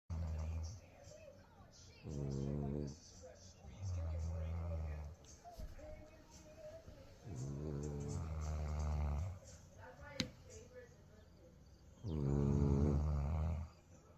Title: War of the snores